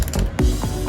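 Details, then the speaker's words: Quick ratcheting clicks from a hand ratchet reverse-torquing a dental bone expander, expanding up to 3.5 mm for a 3.5 mm implant, back out of a dummy mandible training model. "And now I am again reverse torquing this out."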